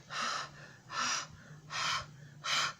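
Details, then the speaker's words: Four quick, breathy gasps from an adult teacher imitating the sharp intake of breath in surprise or pain, in an English-speaking lesson on body sounds. "No, so whenever we are in pain, or when we have seen something which is very surprise for us, so like this."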